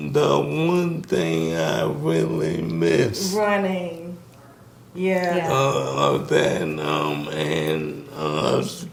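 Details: Man in his 60s with ALS; symptoms began in 2017 with a raspy voice, diagnosed in 2020; the disease started by affecting his speech, and he speaks with a delay; dysarthria due to ALS.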